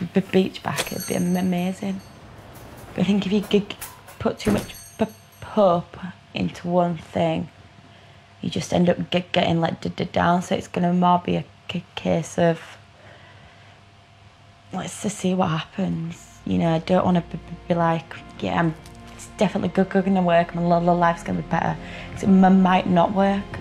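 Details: Acquired stuttering in a 23-year-old woman, appearing after a minor stroke caused by the rare condition HHT the previous Christmas; repeats or sticks on certain sounds; attending an intensive four-day stammering course.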